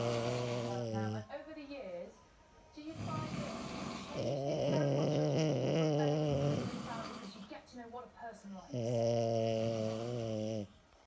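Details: Husband snoring in the background near the listener's ear: low, rough, rattling snores rising and falling with breathing, mixed with television speech and music in the room; ordinary snoring.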